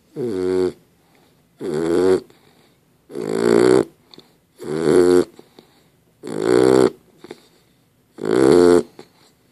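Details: Dog (Dozer) snoring during sleep: six loud, rattling snores at a steady pace of about 36 a minute, each followed by a quiet pause.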